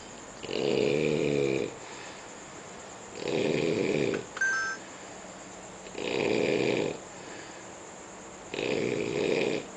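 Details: Four loud, buzzing snores at a slow, steady pace, about twelve breaths a minute, with a faint beep once and steady room hum; loud snoring.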